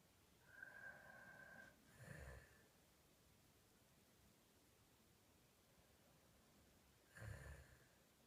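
Two slow, rough snoring breaths several seconds apart over a quiet room, with a faint whistle before the first; ordinary snoring.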